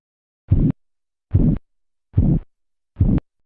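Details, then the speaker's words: Korotkoff sounds over the brachial artery during manual blood pressure measurement as cuff pressure falls, phase 2: four regular, soft swishing thumps at about 72 a minute, accompanied by a murmur-like quality. "En la fase 2, los sonidos son acompañados de un tipo de murmullo."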